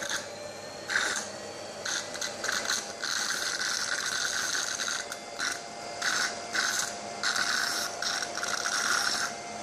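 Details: Nosiboo electric nasal aspirator demonstrated suctioning 10 ml water then 10 ml extra-strong hair gel, not a real child: steady motor whine with bursts of rattling, gurgling suction.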